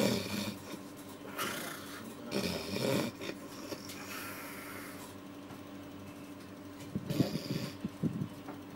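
Rough, rattling breathing noises recur through a quiet room, with a few louder snorting bursts; loud snoring.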